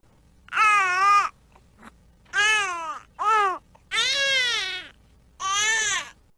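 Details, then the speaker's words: Tired baby who wants to sleep but cannot settle, crying in five rhythmic wailing bursts with short pauses: tired infant cry. "આજુબાજુમાં ઘોંઘાટ હોય અથવા તો બહુ જ અવાજ આવતું હોય તો બાળક સુઈ ના શકતું હોય તો પણ એ રળવા માંડે"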